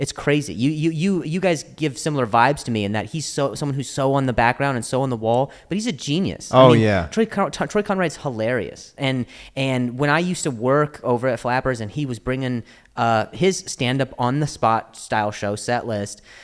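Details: Adult male comedian known for his own stutter, speaking spontaneously in English podcast conversation; real stuttering.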